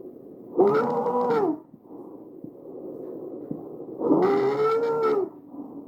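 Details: Tracheal stridor recorded over the trachea: two loud, harsh, musical whooping breaths, indicating a narrowed central airway.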